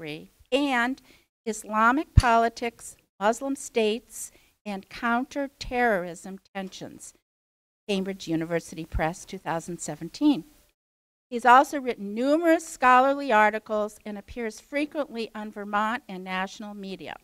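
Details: Adult woman speaking; normal voice.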